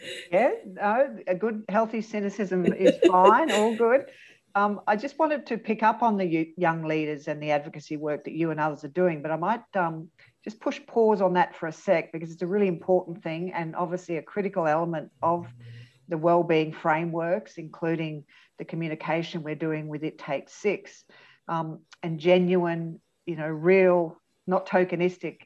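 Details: Adult woman speaking; typical speech.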